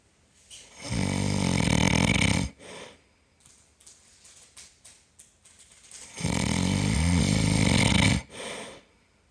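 Two loud, long, rattling snores with soft snuffling breaths between them; heavy snoring.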